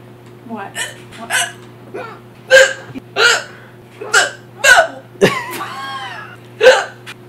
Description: My girlfriend got the hiccups and they were loud!